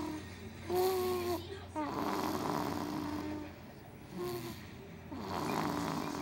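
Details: A baby snoring: soft, rhythmic snores with tonal, squeaky breath sounds through the nose and throat, a few breaths in a quiet room.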